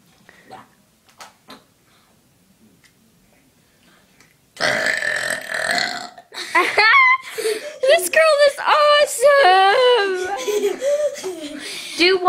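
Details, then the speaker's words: Girl burping on command: a quiet start, then a run of loud, drawn-out voiced burps; voluntary burping. "ew she F watch this girl can burp on command okay do it again do another one I'm going to do it"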